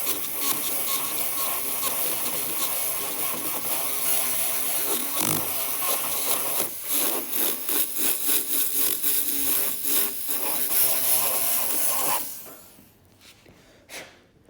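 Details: High-pitched dental drill grinding tooth in short bursts, then stopping as a Class I bow-tie cavity on a premolar is finished: about 2 mm wide, 2 mm or more deep, flat floor.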